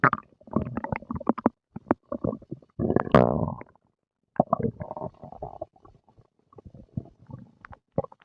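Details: Stomach growling and gurgling after breakfast: irregular gurgles, squeaks and rumbling bursts, normal digestive bowel sounds (borborygmi) after eating.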